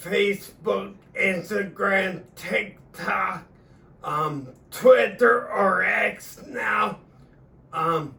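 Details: Adult man with acquired cerebellar ataxia of sudden onset about three years earlier after a seizure and stroke, about four weeks after umbilical-cord stem cell injection into the spine that he says has changed his voice; ataxic dysarthria (cerebellar ataxia).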